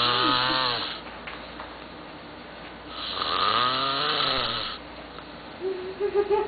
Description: this is how sleeps at night.. i really don't know how he does it but he calls this rest..